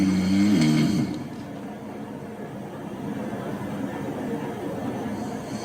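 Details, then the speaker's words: One loud rattling snore, then quieter steady breathing noise with no silent pauses, a continuous pattern: simple snoring without apneas, played as a comparison against sleep apnea. "so that one's a bit more continuous all right maybe I mean most people can't look at a sound wave and know what it's going to sound like but that's what the more continuous nature of isolated snoring is by itself"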